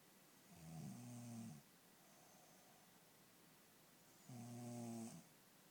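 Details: Snoring from a woman who says she never snores: two low, rough, buzzing snores on breathing in, about four seconds apart, with quiet room noise between them.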